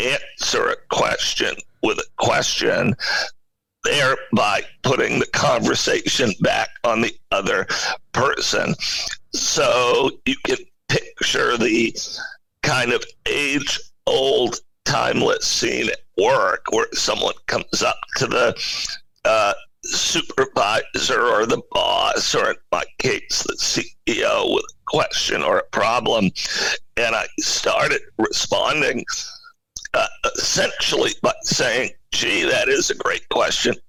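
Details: Spasmodic dysphonia in an adult male CEO: a very rare neurological voice disorder affecting only speech, with no known cause or cure, acquired suddenly in 2010.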